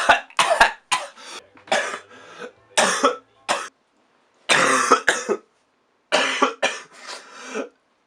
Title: Me Coughing for 30 Seconds